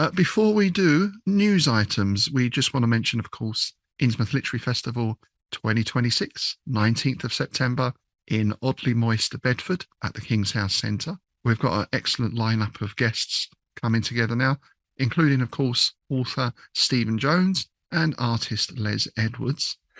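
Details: Adult male speaker; normal speech.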